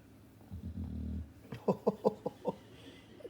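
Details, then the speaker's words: Sleeping dog lying under a desk, snoring heavily: a low fluttering snore, then a short run of quick snorting, grunting breaths in a quiet room. "iar oh my God she's snoring I'm actually filming it oh my God oh she's out of she's out of it babe she's Zed out"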